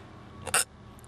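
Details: A single short, abrupt hiccup over quiet room noise from a young man just after wisdom teeth removal, who reports hiccuping a lot.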